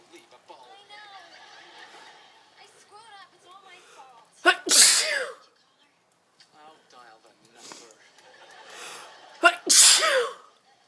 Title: i can't stop sneezing